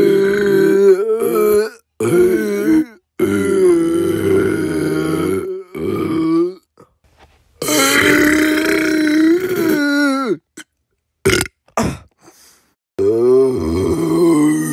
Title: Burping Compilation